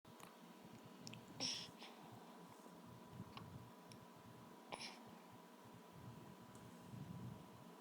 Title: Hiccups!